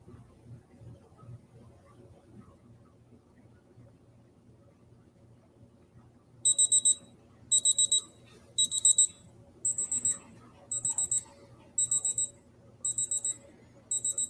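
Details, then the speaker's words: Simulated med-school exam of a seated, alert, slender patient: digital thermometer held under the tongue gives high, regular double beeps about once a second when done; sublingual temperature 36.6 °C, heart rate 68 regular, BP 102/68, respiratory rate 12 unlaboured. "courtney i'll just gonna take your temperature with this so just hold this underneath your tongue until it beeps okay"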